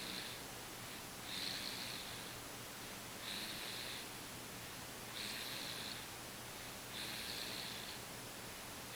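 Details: Noisy sleeper with soft, hissy, rhythmic snores during sleep, about 15 breaths a minute, over steady room noise; snoring.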